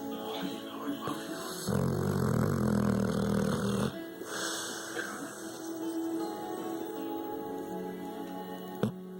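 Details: Pit bull dog snoring: a loud, rough, rattling snore in one long breath, with quieter snuffly breathing around it over faint background music.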